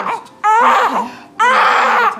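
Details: Newborn baby girl just after birth: two loud, strong wailing cries with brief pauses between; vigorous newborn cry.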